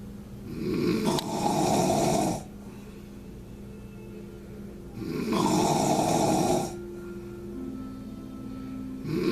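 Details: Loud, rough, fluttering snores about 15 a minute from a man, each lasting a couple of seconds, quieter breathing between, faint background music; snoring loud enough to scare a cat.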